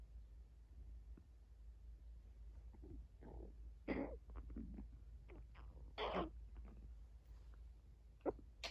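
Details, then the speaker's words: Dog (Molly) in the morning: scattered gurgles, squeaks and louder growling bursts over background hum, stomach rumbling (borborygmi), ordinary gut noises. "Ooh, that was a big rumble."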